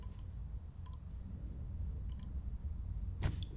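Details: A single sharp crack over low room rumble as a woman, relaxed with her head let drop, receives an osteopathic neck manipulation on a count of three during a full-body treatment; joint cavitation (neck crack).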